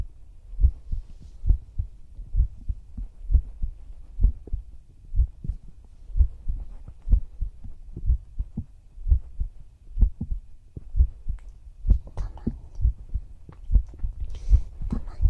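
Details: Heartbeat heard through the chest in whispered roleplay ASMR, while lying down together to sleep; steady, soft low adult heartbeat at about 66 beats a minute with faint rustling; normal heart sounds.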